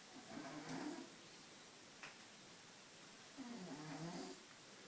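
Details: Figaro, a cat sleeping in the shower, snoring: two soft, nasal, wheezy snores a few seconds apart over faint background hiss.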